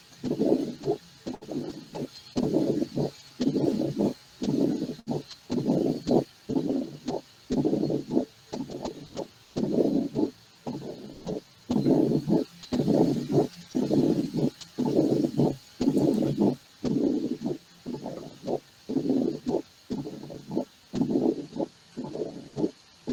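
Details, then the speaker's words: Mitral stenosis auscultation: regular heartbeats with a long, low rumbling diastolic murmur filling the pauses between beats, likened to waves on a beach dragging stones. "entonces decía que es el soplo diastólico que se escucha como si ustedes visto como si ustedes están en la playa"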